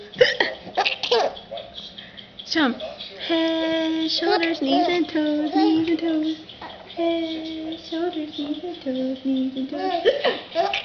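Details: Short, sharp ordinary hiccup sounds breaking through a child's giggling and sing-song voice as the child laughs at someone's hiccups.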